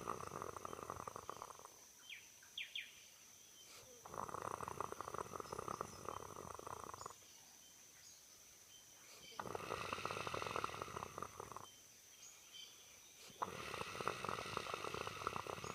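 Rough, noisy breathing bursts of about two to three seconds alternate with quieter pauses, with a steady hum in the background; the pattern fits snoring.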